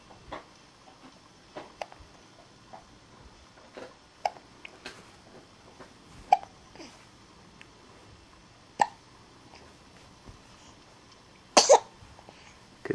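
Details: A young infant girl just shy of two months old makes soft, sharp little catches at slightly irregular intervals, about ten in thirteen seconds, in a quiet room: hiccups.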